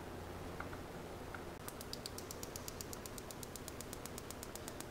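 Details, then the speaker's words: Shockwave therapy device firing: PiezoWave2 Vet probe treating a horse's front high suspensory ligament, starting at level 10, 8 clicks per second; sharp rapid even clicks, horse tolerating it. "I'm starting off at level 10 for safety purposes we're at 8 clicks per second"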